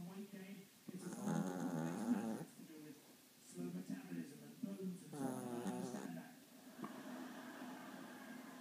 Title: Snoring ziggy chihuahua